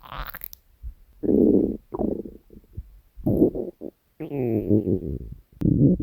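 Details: Several loud, gurgling, rumbling bursts with brief gaps: hunger-related stomach growling (borborygmi), a normal bowel sound.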